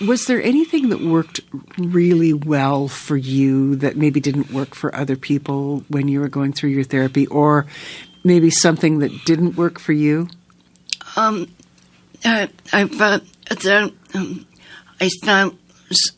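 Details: Adult woman speaking, interviewer; typical speech.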